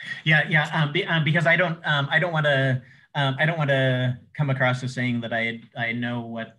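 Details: Adult male who says he has cluttering, a fluency disorder: cluttering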